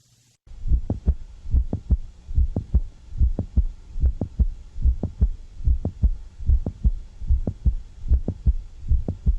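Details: Steady heartbeat at about 73 a minute with a sharp extra click in mid-systole; its timing shifts as the patient alternates squatting and standing: mid-systolic click of mitral valve prolapse.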